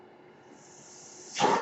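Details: Mechanical ventilator noise from the speaker's own ventilator, heard in the background as he talks.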